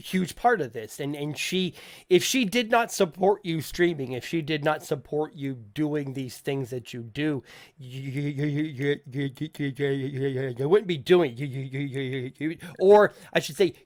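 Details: Stuttering (self-reported) in an adult male podcast host who says people in voice chat often ask him to repeat himself.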